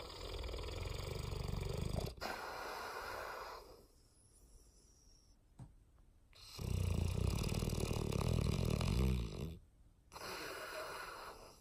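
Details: An 18-month-old female English Mastiff snoring while asleep on a lap: loud, deep, fluttering snores with snorting, each a few seconds long, separated by brief quiet pauses.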